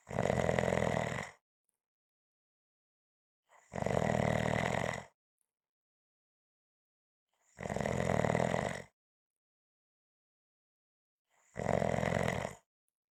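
Four evenly spaced, rough, rumbling snores about every four seconds, roughly 15 breaths a minute, silent between them; steady snoring.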